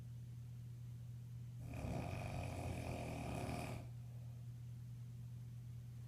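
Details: Sleeping father (jokingly called a grizzly bear) snoring: a single deep, rumbling snore of about two seconds over a steady low hum.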